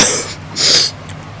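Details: Two short, harsh, airy coughs in quick succession with a brief pause between them; a plain cough.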